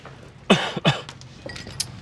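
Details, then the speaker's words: Voluntary cough acted for comedy in a poker scene as a character's tell: two short, deliberate adult cough bursts, not a sign of illness. "Jim, for instance, has a huge tell. When he gets a good hand, he coughs."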